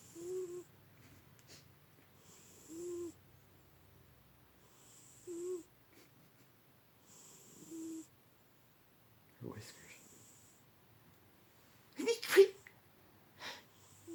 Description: Too funny. 16 yr old tabby named Alley that snores like a human.